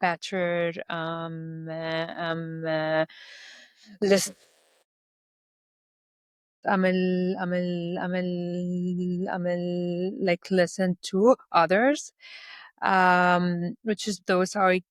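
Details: Stuttering in an adult Lebanese woman who speaks three languages.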